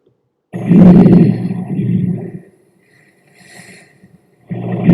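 Soft, low rushing breath noise: a longer, louder breath in, a quieter breath out, then the next breath starting, with no added crackles or wheeze. Normal breath sounds.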